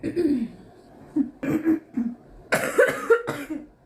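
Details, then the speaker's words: Young woman who smokes cigarettes, with a harsh low buzzing on inhaling: repeated low, throaty coughs with a throat-clearing quality in about six bursts; a smoker's cough. "It's just so many stairs. And then go take care of this smoker's cough."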